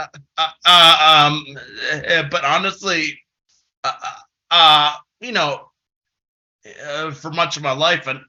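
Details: Developmental stuttering since about age six in an adult man, a person who stutters giving a conference presentation; stuttering.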